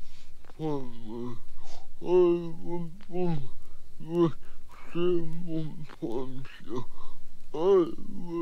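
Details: Adult man born in 1942 with cerebral palsy, in a 1979 radio recording, speaking briefly in his own voice before a narrator retells his story. Dysarthric speech (cerebral palsy).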